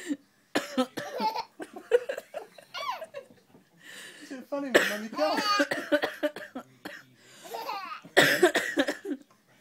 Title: has a cough and thinks its REALLY funny!!